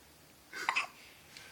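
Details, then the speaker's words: Newborn baby girl with hiccups: one short, sharp catch of breath with a small voiced squeak, a single infant hiccup, in a quiet room. "hey you you got the hiccups are 00 are you tired of these hiccups aren't you"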